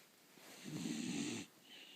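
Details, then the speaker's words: A single rough, rattling snore lasting under a second on one breath in a quiet room; snoring. "хватит храпеть Посмотри в камеру"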